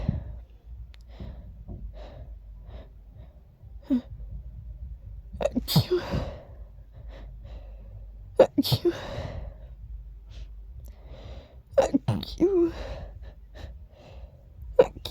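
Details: Person who woke up sneezing: a run of sharp sneezes with gasping in-breaths between them, over low room noise; sneezing.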